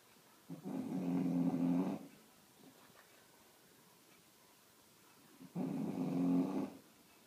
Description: Bull dog snoring n ballon moving